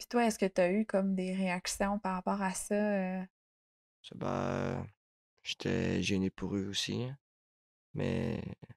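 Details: Adult woman speaking French; fluent speech.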